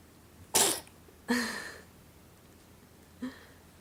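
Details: Three sharp, explosive sneezes in a quiet room, the last one smaller, in his plastic jungle; repeated sneezing.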